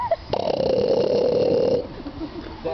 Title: snoring seal at Zoo Duisburg